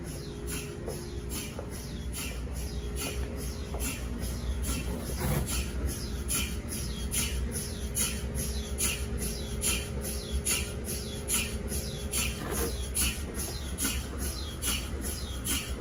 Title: What's the strange chirping sound in MRI scanners? #mri #space #science